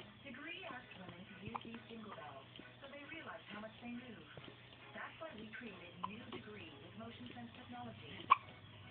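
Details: Baby who seems scared of her hiccups: several short, abrupt catches in the breath with soft vocal sounds and quiet room noise between; hiccups.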